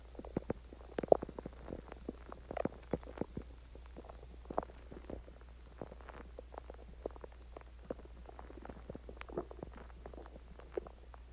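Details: Stomach growling (borborygmi) after eating Chinese food and drinking water: frequent short gurgles and bubbling clicks over a steady low background hum.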